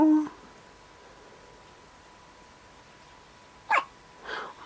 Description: when my baby was 8 days old with hiccups